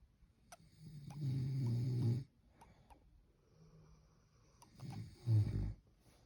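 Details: A sleeping rescued female dog snores with low, rattling rumbles on each breath in, separated by quiet exhalations; snoring.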